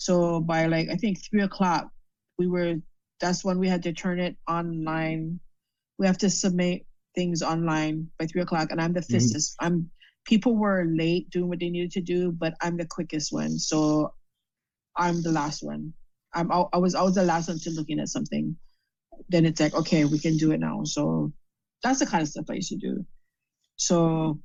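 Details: Adult female with aphasia after a stroke; she reports trouble saying the right words and understanding speech; she is doing speech practice in stroke rehab.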